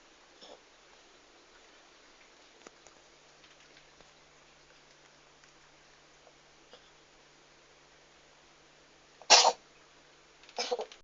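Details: Sneezing cat: near silence, then two short, sharp sneezes about a second apart.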